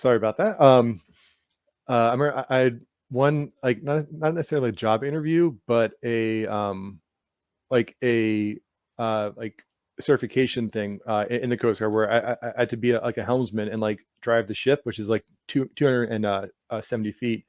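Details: Stuttering in an adult man who has stuttered all his life, speaking in conversation; repetitions are audible.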